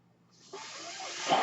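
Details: Speaker's own mechanical ventilator heard during a podcast recording: a soft airy hiss swelling steadily over about a second as it delivers a breath.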